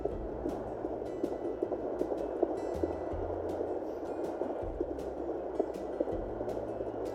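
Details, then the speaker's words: Fetal heartbeat on a Sonoline-B home fetal Doppler: rapid, regular galloping pulses about 145–150 per minute, clearly faster than the mother's heartbeat, without whooshing; a normal fetal heart rate. "It really, really comes through very, very clear. It's very obvious that that is not my heartbeat because it is far too fast. It doesn't have a whooshing sound."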